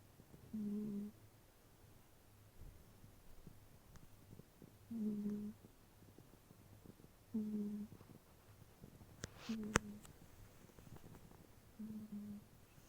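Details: Soft, low, regular snores about every 2.4 seconds, roughly 25 breaths a minute, from a sleeping cat in a quiet room; cat snoring.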